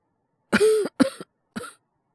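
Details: Simulated cough: a voice actor performing a character with a cold and fever, three short throaty coughs in quick succession.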